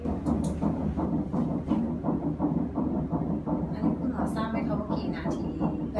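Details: Rapid, regular whooshing fetal heartbeat at about 168 per minute at 9 weeks of pregnancy, a first child.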